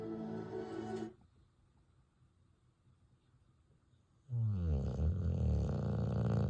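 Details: Two loud, rumbling snoring breaths separated by a quiet pause from a sleeping dog; ordinary snoring.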